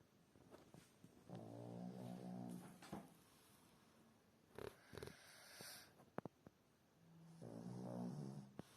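Loud, rattling snores in long bursts with quiet gaps between them, heard in a small room.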